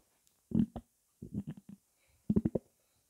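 Low gurgling and bubbling in short bursts, ordinary stomach rumbling as fluid moves through the gut.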